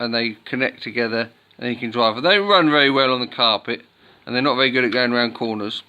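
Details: Adult male speaker; normal speech.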